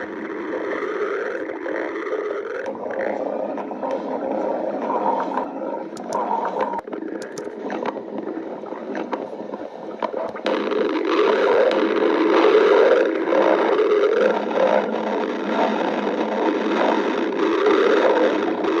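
Continuous gurgling and wavering, rumbling tones of stomach growling, louder in the second half.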